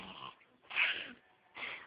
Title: adorable toddler, but creepy fake snore!